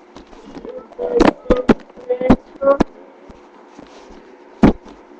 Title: STOMACH GROWLING